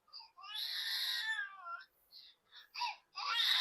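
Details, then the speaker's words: Infant crying loudly and intensely, per doctor possibly from strong hunger or discomfort such as pain: high-pitched long wail followed by shorter gasping bursts. "तो ये ये जो रो रहा है ये कई बार बच्चा इसलिए रोता है कि या तो उसको भूख लगी हो बहुत तेज या वो डिसकंफर्ट में हो।"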